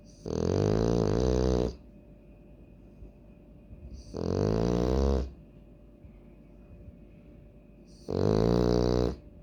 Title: French Bulldog Snoring Like A Grandpa😅😅 l Loki Frenchie